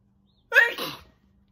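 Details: Single short, muffled, clipped sneeze from a woman deliberately trying to hold back her sneezes in a requested sneezing video; she says the held-back sneezes come out weird.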